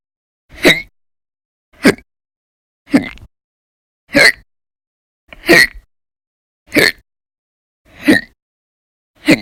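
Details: Sharp, abrupt gulping catches about every 1.2 seconds, around 46 a minute, with quiet between, from persistent hiccups that reportedly lasted over 10 hours a day on several days in December 2019; hiccups.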